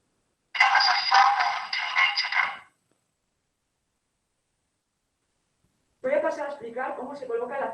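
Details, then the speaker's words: Two speech passages, presented as normal hearing and then as heard with a cochlear implant; the first sounds harsh and buzzy, the second clearer but thin; cochlear implant hearing simulation. "Voy a mostrar la diferencia en unos audios. El primero será cómo se escucha una persona normoyente, y el segundo, una persona con un implante coclear."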